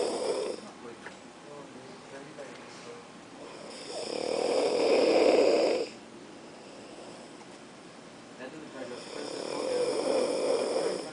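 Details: Student asleep in class, loud, long rattling snores on inhalation with quieter exhalations, about 6 breaths a minute, over background noise; snoring.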